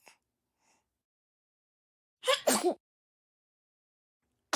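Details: A quick intake of breath followed by a short sharp sneeze burst, then silence; Molly sneezing.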